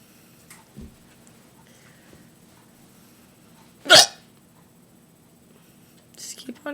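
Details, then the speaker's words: Painful hiccups, each strong enough to shake the computer: one sharp, abrupt, deep gulping burst with quieter catches before and after; persistent hiccups continuing despite attempts to stop them. "my computer is moving every time my hiccup it shakes o that was a deep one"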